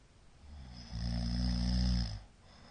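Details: Single long, deep rumbling snore on an in-breath with quiet breathing around it, from a middle-aged man asleep; owner suspects possible sleep apnea after a sudden gasping "fa!" sound at the end.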